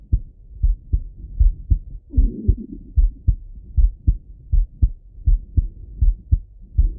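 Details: Male heart auscultated with a stethoscope, recorded either sitting at a desk or lying in bed: regular lub-dub at about 80 beats a minute with some low rustling noise; normal heart sounds.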